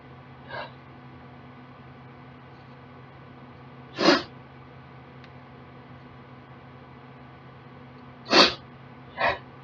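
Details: Four sneezes over about ten seconds, two soft and two forceful, in a quiet room, from a girl with allergies in a sneezing fit that started after she turned on a desktop computer; exposed to her known nasal sensitivities.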